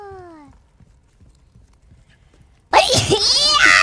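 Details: VTuber sneezing on stream (she sneezes three times): a brief tonal vocal sound, a quiet pause, then one sudden loud voiced burst with a ringing tail; a sneeze.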